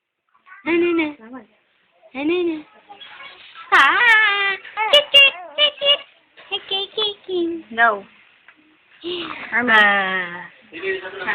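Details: Infant crying: repeated high-pitched wailing cries in short bouts with breaths between.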